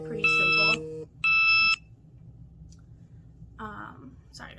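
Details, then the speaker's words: Two short, loud electronic tone bursts from the speaker's diabetes device alarm in a quiet room, followed by brief speech. "my diabetes just the alarm went off um i don't know if the camera caught that or not"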